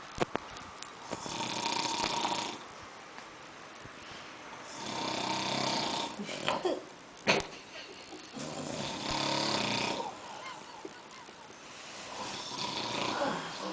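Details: Two men snoring together until a cell phone rings: rough, rattling snores repeating every three to four seconds, with scattered clicks and room noise.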